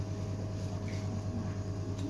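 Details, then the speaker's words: Suction machine running during a closed endotracheal suction practical demonstration: steady low motor hum while the catheter is withdrawn with intermittent suction for no more than 10 seconds (usually about 6). "sudah kita tarik tidak lebih dari 10 detik biasanya 6 detik sih ya pas ditarik ini sambil di pijit ya pijit sambil kita tarik enggak lebih dari 10 detik"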